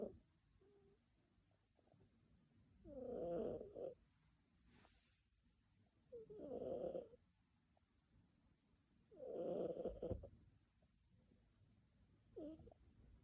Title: Snoring cat 😸 😂#cat#cats#shorts#like